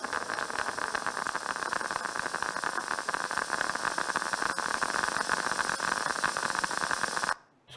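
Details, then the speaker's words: Needle EMG playing rapid, regular dull pops over steady static: positive sharp waves, initially positive and sharp with slow return to baseline. "So when you see this kind of morphology, this is a positive, initial positive, that's why it's positive, is sharp with slow return to baseline. Slow return to baseline. There's a hallmark morphology of positive sharp waves."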